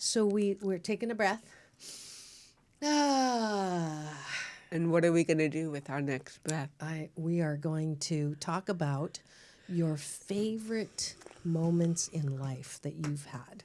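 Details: Adult woman speaking; normal speech.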